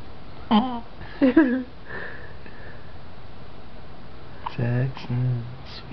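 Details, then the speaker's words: Infant boy with hiccups while awake and being talked to: several short, abrupt voiced catches, some in quick pairs. Hiccups. "You're camera shy now. But no, I've just got the hiccups."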